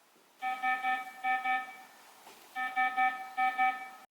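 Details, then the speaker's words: Repeating bursts of high, urgent tones in quick groups from an IMPALA patient monitor: the red emergency alarm, audible when multiple alarms are active (high heart rate and critically low oxygen saturation). "when multiple alarms are active the most important alarm is audible like here the patient has a high heart rate and a critically low oxygen saturation so you hear the emergency"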